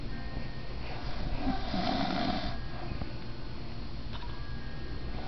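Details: Stepfather snoring while asleep: one loud, rough snore over steady low room noise with faint background music.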